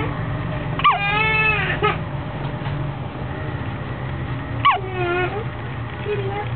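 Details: Baby on the third day of life, recorded while having hiccups: two rising-then-falling whiny cry bursts, each opening with a sharp catch, against steady background noise.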